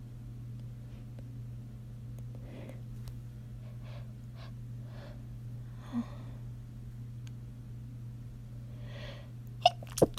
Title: Stifled Sneezes